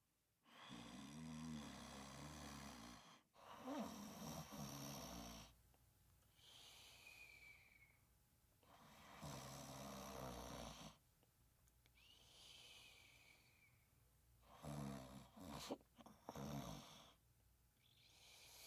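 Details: Loud rattling snoring from a sleeping dog, possibly dreaming, with softer whistling sounds between breaths, about 11 breaths a minute.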